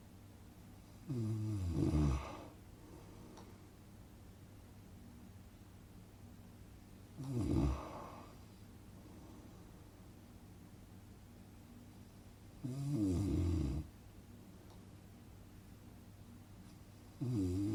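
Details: Relaxing snoring sound effect for sleeping: four low, rattling snores on the in-breath, about five seconds apart, around 11 a minute, over a quiet room hum; ordinary snoring.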